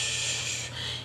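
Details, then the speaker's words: Adult with sleep apnea using CPAP: a steady, breathy hiss of about one second, a vocal imitation of air still blowing from the mask when it is removed without turning the machine off. "it is such a pain to take it off because if you take it off without turning it off the air is just still blowing out like"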